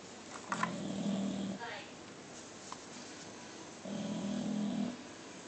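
Two low, rumbling, throaty snores several seconds apart over light room noise. Noisy breathing during sleep in a bulldog.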